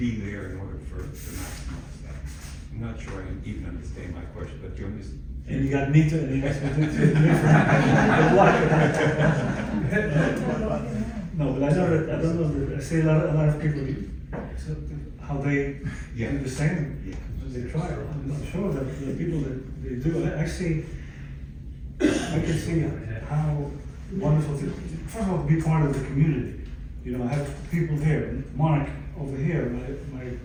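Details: Aphasia in an adult stroke survivor, following a stroke about 11 years earlier; aphasia.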